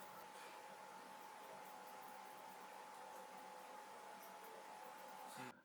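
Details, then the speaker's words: Phacoemulsification machine running during vertical chop of a brittle intumescent white cataract in a 72-year-old man with pseudoexfoliation; steady whirring hum with faint tone, ending abruptly. "these are the settings for the vertical chop tip is buried vertically down into the substance of the nucleus"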